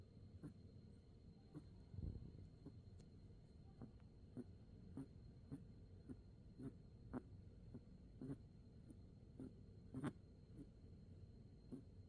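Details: Baby Maltese puppy snoring in sleep after its first walk: soft, regular snuffling snores, roughly one every second, over a low room hum.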